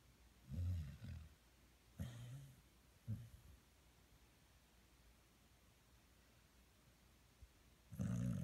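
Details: Snoring: short, rough snorting snores in a few bursts, then a quiet pause and another loud snore.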